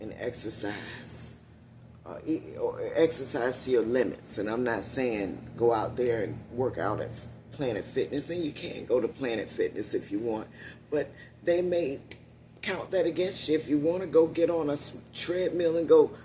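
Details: Adult woman with one-sided vocal cord paralysis after neck surgery, voice lost about three years ago; must push much more air to speak, which tires her; unilateral vocal cord paralysis.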